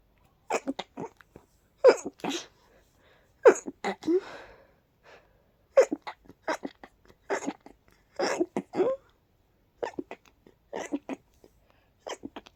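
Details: Allergic sneezing from pollen: a rapid series of short, sharp sneezes, more than a dozen in about twelve seconds.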